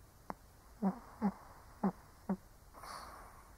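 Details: Old Shih Tzu sleeping: four short, soft snorting snores about half a second apart over quiet room hiss. Dog snoring.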